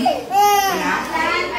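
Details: Baby getting ears pierced: a sharp, high crying wail with a strained, broken pitch, a pain cry, against nearby adult voices.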